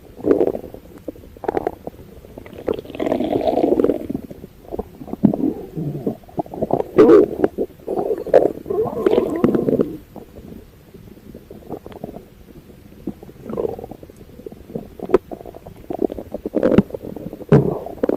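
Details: Abdominal auscultation: irregular low gurgles and rumbles come and go; normal active bowel sounds (borborygmi) from gas and fluid moving through the gut.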